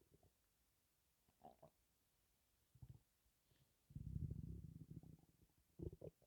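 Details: Borborygmi (ordinary stomach rumbling) while breathing in and out, from a stomach holding only gas and air, possibly due to hunger: low gurgles and squelches, a sustained deep rumble, then more brief gurgles.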